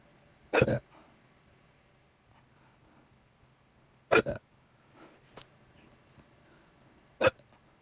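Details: Hiccups that the person says happen about once a week, with apparent discomfort: three abrupt hiccup bursts a few seconds apart, some with a short burp-like tail, against quiet room noise.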